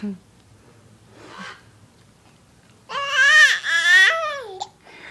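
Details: Baby with hiccups: quiet breathing, then a single loud, wavering infant cry lasting over a second, ending abruptly with a short catch.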